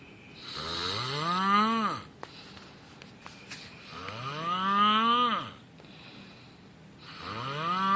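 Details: Loud, drawn-out rising groaning snores, one every three to four seconds with quiet gaps between; vibrating snoring.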